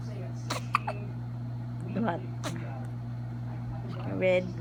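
Several abrupt, short gulping catches a few seconds apart with a steady hum behind; hiccups.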